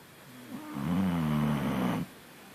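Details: Kaia snoring in sleep: a single drawn-out, low, buzzing snore lasting over a second, with quiet breathing before and after.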